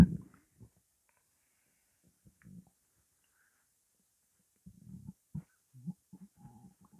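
Quiet, low gurgles and short bubbly rumbles separated by silence; stomach growling from an empty, active gut while hungry.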